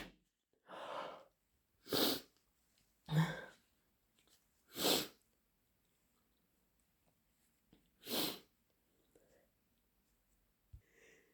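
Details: Repeated sneezing: about five sharp sneezes over ten seconds, with softer breathy sounds between them in a quiet room.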